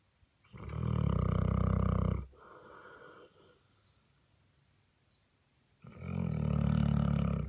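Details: 130 lb Saint Bernard snoring while lying in a clawfoot tub used as its bed.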